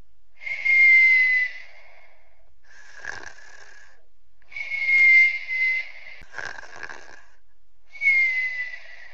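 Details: Sleeping while sick: repeated high-pitched whistling on each breath in and out, about 14 breaths a minute; whistling, noisy breathing in sleep during illness.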